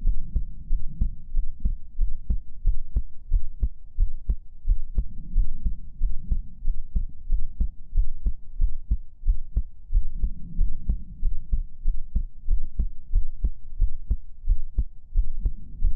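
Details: Steady, soft low thumps at about 90 a minute over a low hum, a regular heartbeat in an ASMR sleep-relaxation recording.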